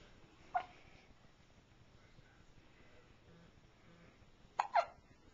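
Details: 3-day-old newborn's first hiccups, recorded on a Flip Video camcorder: a few abrupt, soft catch sounds several seconds apart in a quiet room, the last two close together. Hiccups.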